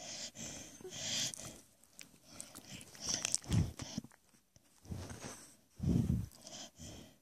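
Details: Dog snoring in its sleep with its mouth open: irregular rough, snorting snores about one every few seconds, with snuffling between them.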